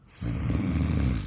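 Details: Snoring in a patient being treated with a mandibular advancement device for snoring and sleep apnea: a single low, rumbling vibratory breath about a second long with a harsh rattling airway buzz.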